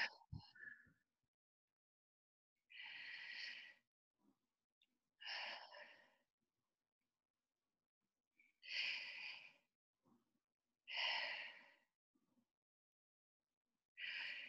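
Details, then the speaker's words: Slow deep breaths on request while a nurse listens with a stethoscope on the back, in a demonstration of a sick-visit check: about five full cycles with short pauses, breath sounds clear and unremarkable. "I'm gonna ask you to take some deep breaths okay ready"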